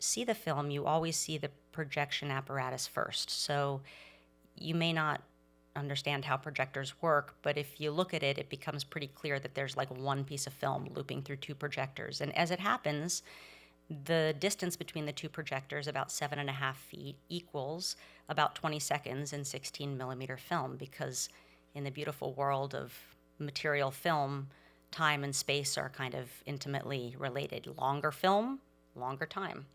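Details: Adult speaker; normal speech.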